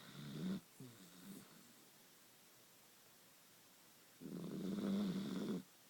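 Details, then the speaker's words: Dachshund sleeping soundly after eating two Boston cream pie cupcakes off the table the day before: two loud, rough, rumbling snores a few seconds apart, the second lasting over a second, snoring. "nora's very sleepy she's a very snorri dog"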